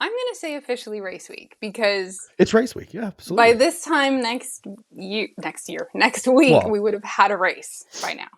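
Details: Adult woman speaking; normal speech.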